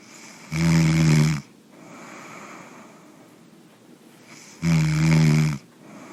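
Two loud, deep vibrating snores on breathing in, about four seconds apart, with quiet breathing between.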